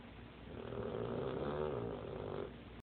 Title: Snoring dog